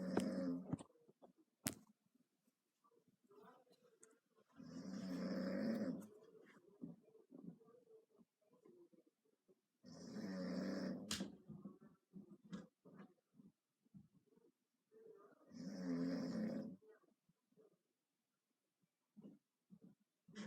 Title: Someone snoring